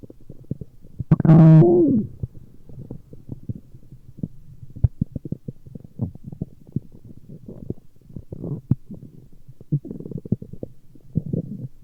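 One loud drawn-out groaning rumble, then scattered low pops, clicks and gurgles; ordinary stomach growling.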